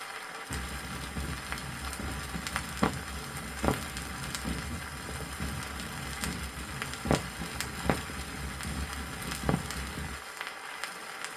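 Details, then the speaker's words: 1963 Soviet teaching record, auscultation over the aorta in combined aortic valve disease: muffled heart sounds with continuous low rumbling between beats, systolic and diastolic murmurs. "прослушайте тона над аортой при комбинированном аортальном пороке в данном случае также выслушивается систолической и диастолической"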